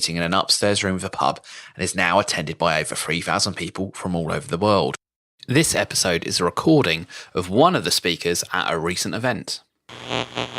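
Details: Adult male narrator; normal voice.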